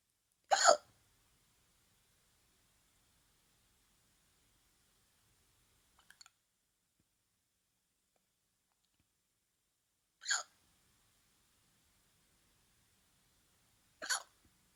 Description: Got the hiccups so thought I'd record them